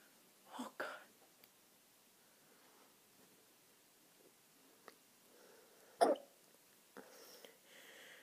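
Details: Several short, sharp hiccup catches in a quiet room, in two separate groups; hiccups.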